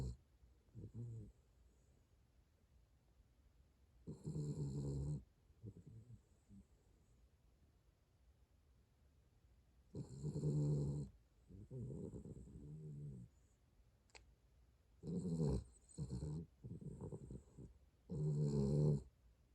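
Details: Sleeping dog snoring, recorded 2021-11-04: rough, rattling snores on each breath, grouped in bursts with quiet pauses.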